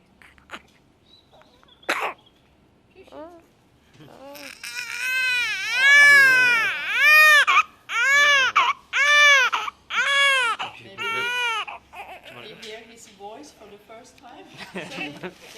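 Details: Newborn boy in his first 5 minutes of life, just born in a Stockholm hospital, gives a strong, rhythmic cry of short repeated wails about one per second, with quiet adult voices nearby; a normal newborn first cry.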